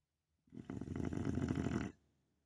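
One rough, rattling snore lasting about a second and a half. Snoring.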